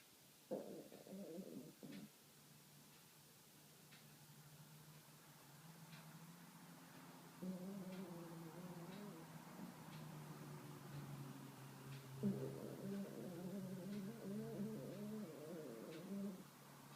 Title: My dog snores